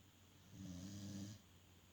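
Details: Dog sleeping: a single short, low rumbling snore on one breath, under two seconds, in a quiet room; snoring.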